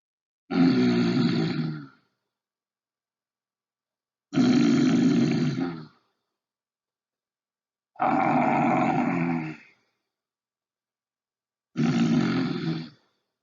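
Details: Loud snoring from vibrating nasal and pharyngeal tissues caused by turbulent airflow through a narrowed airway: four long, rough, rattling breaths about 16 a minute, separated by silence.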